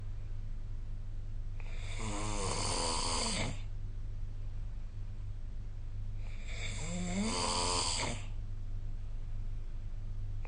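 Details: Two loud rattling snores on breathing in, about six seconds apart, over a steady low hum, recorded during sleep with the SnoreLab app; snoring.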